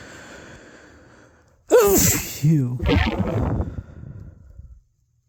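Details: Adult with early-season hay fever allergies, recorded very close to the mic while watching TV: a single forceful sneeze with a voiced cry, then a breathy exhale; allergic sneezing.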